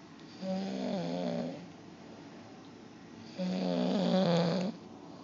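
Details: Snoring from a sleeping cat: two buzzy, fluttering snores about three seconds apart, each lasting over a second, over quiet room noise.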